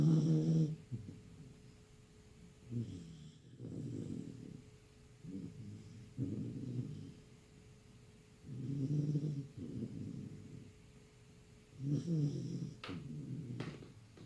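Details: Bull Terrier puppy napping after long play: soft, low, rumbling snores, several irregular breaths over about fourteen seconds, with a faint steady room hum.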